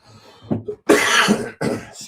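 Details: Cough with throat clearing.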